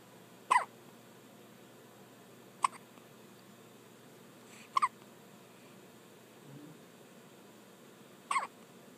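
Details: Hiccups in a pet named Piper: four brief, sharp hiccup sounds at irregular intervals over about nine seconds, against quiet room noise.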